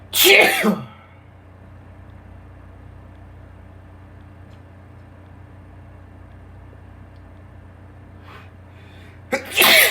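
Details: Sneezes from a male: two sharp, explosive sneezes, one at the start and one at the end, with a short in-breath before the second; ordinary sneezing.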